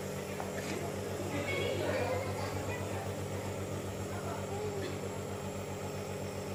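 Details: Steady low mechanical hum with rapid regular pulsing from a nebulizer compressor running during a baby's treatment for cough, cold and fever at a community health clinic; faint voices in background.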